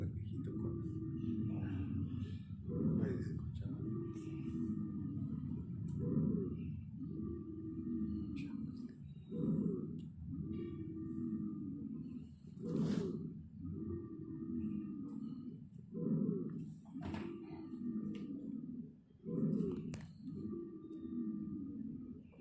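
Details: Lung auscultation, regular breathing about 18 breaths a minute, with a steady faint whistle and scattered brief bubbling pops; crackles with wheeze (sibilancia).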